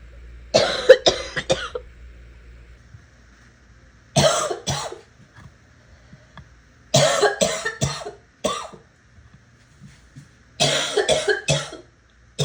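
Four bouts of rapid, repeated harsh coughs, three to four coughs each, separated by quiet pauses; a fit of coughing.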